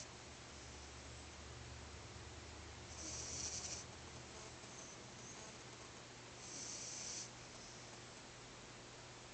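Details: Snoring in a sleeping 4-month-old French Bulldog puppy napping: two hissing, snorting breaths against a steady background hum, noisy flat-faced dog sleep breathing.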